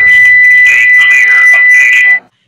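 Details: Demonstration of BLS for out-of-hospital arrest per AHA 2020: with pads high right and low left chest, a steady high-pitched AED charging tone plays under a voice prompt, then stops as shock is advised and rescuers stand clear.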